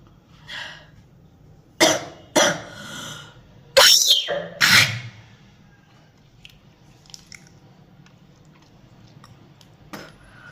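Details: Coughing triggered by tooth brushing and tongue cleaning: four harsh coughs with throat clearing and retching-like sounds, then quieter mouth noises; gag-triggered coughing.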